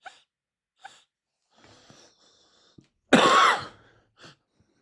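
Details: Adult coughing while reading aloud, noting wheezing and suspecting their back is poking their lung.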